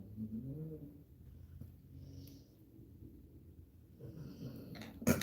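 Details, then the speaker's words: Snoring from a sleeping female, audible in the background of a live chat recording; she is described as fully snoring. "she's full on snoring."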